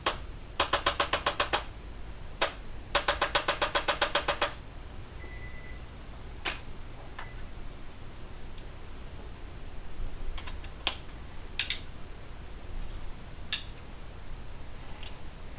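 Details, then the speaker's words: Impulse Adjusting Instrument used on subluxated spinal joints, with lower settings for the thoracic and cervical spine: quick bursts of rapid mechanical clicking in a quiet room, a gentle non-cracking chiropractic adjustment. "so that is the use of the impulse instrument the impulse instruments once again is a gentle non-cracking approach to Chiropractic Care"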